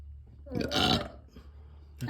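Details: Baby boy burping: a single drawn-out, gurgling burp in a quiet room.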